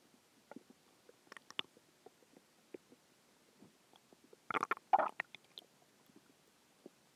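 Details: Normal bowel sounds a few hours after a huge meal: quiet scattered gurgles and pops with a louder bubbling run midway, ordinary stomach growling.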